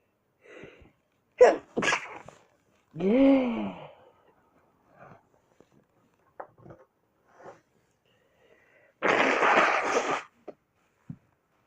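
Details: Several separate sneezes from one adult, collected over a full week, some with a voiced lead-in, the last a long forceful burst; ordinary sneezing.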